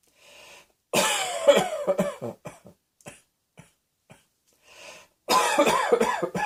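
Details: Two harsh coughing bouts, each a strong burst followed by several trailing smaller coughs, with quiet breaths between.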